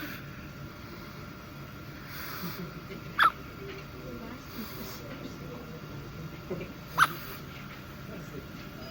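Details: Infant quintuplet getting hiccups for the first time while being held: two small, sharp hiccup sounds several seconds apart over steady room hum; ordinary infant hiccups.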